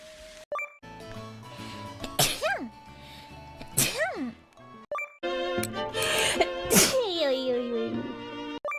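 Several sharp, explosive bursts, each with a rising then falling voiced release, over background music: a run of sneezes from different people.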